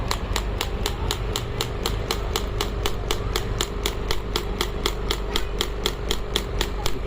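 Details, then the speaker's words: Pneumatic ballistic shockwave therapy (ESWT) machine, up to 10 bar, handpiece firing after pressing start: rapid regular tapping pulses, about four per second, over a motor hum. "then you can press the start button and once you press the start button in the handle machine will the pneumatic effect will come machine will start"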